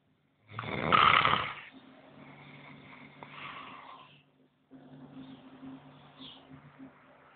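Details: A man sleeping after his first day of partying in Ibiza: one loud, rattling snore, then quieter rough breathing noise in a small room; snoring.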